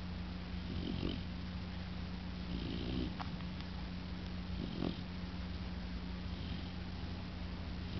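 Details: Sleeping dog snoring, described as very loud: soft, repeated snoring breaths about every two seconds, partly buried in heavy hiss and a steady hum.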